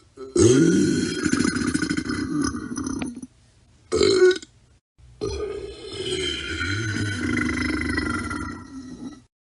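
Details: Burping from a royalty-free sound-effects compilation: long, loud, rumbling belches, one short and two drawn out.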